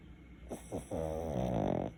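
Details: A short run of fluttering, rattling snores on the in-breath from a pet sleeping cuddled up on a lap: snoring.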